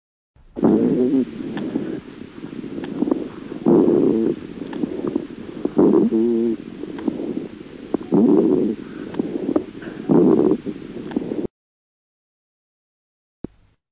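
Low-pitched, snoring, humming sounds recur with each breath through the chest: rhonchi.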